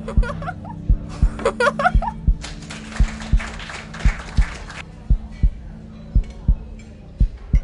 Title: Sleep Music, Sleep Meditation, Relaxing Music, Meditation, Study, Sleeping Music, Heartbeat sound